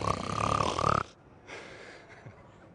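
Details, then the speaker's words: Adult heavy snoring: one loud, harsh, rattling snore on an inward breath, then quiet breathing out. "My father snores, and I don't know how his second wife hasn't left him, because my mother left him. And if I was married to him, I'd f***ing leave him, because he snores like an elephant."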